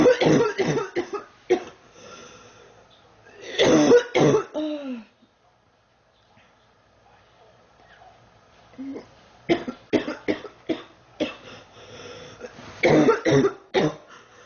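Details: Girl sick for about 3 weeks who feels hot and unwell: repeated harsh coughs in clusters with a short quiet gap, a persistent cough during illness. Cough.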